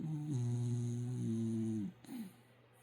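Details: Sleeping puppy with its tongue sticking out: a single long, low, buzzing, droning snore, then a brief softer breath sound: snoring.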